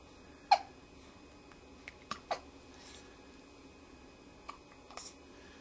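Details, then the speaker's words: Hiccups in a little one, "do you have the hiccups, little cutie": several brief, sharp, isolated catches over about five seconds in a quiet room, followed by a "bless you." "bless you do you have the hiccups do you have the hiccups little cutie huh do you have the hiccups little cutie"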